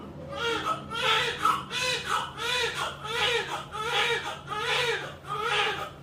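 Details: Newborn crying right after a normal vaginal birth, delivered at 9:45: rhythmic, repeated cries at about 80 per minute over low room hum, a normal cry.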